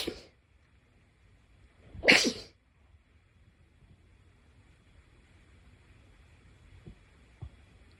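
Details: Two sharp sneeze bursts, the second loud and forceful, over quiet room noise with a couple of faint clicks; sneezing.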